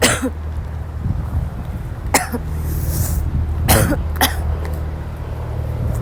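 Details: A sick young woman who woke up ill has a violent, persistent dry coughing fit in class: several harsh cough bursts over a steady low hum of room or vehicle noise.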